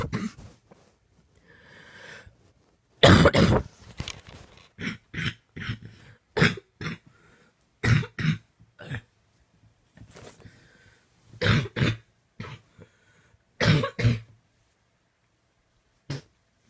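Repeated harsh cough bursts in quick clusters, about twenty-five coughs with brief gaps for breath: a prolonged coughing fit.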